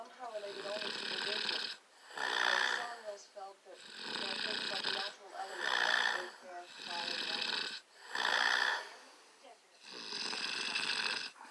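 Repeated rough, fluttering snores with breathy inhalations, about six breaths in eleven seconds; ordinary snoring during sleep.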